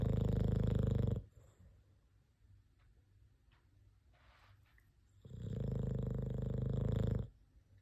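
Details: Sleeping cat snoring: two deep, rumbling snores about four seconds apart, separated by quiet pauses, in a small quiet room; ordinary snoring.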